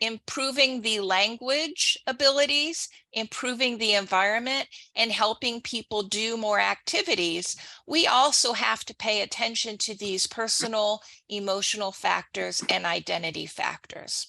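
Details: Adult woman; typical speech.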